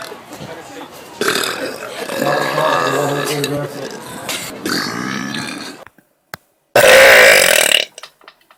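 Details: Compilation clip of repeated burping: several long, loud, voiced belches with a deep rumbling tone, separated by brief pauses.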